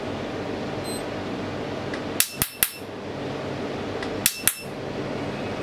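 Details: Sharp snapping cracks in two quick clusters, three then two, over steady room hum: tattoo removal laser pulses firing on a female client, with the operator noting the first shot is set strong.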